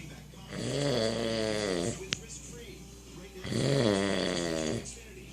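Two long, loud, rattling snores on breathing in, separated by quieter breathing; ordinary snoring.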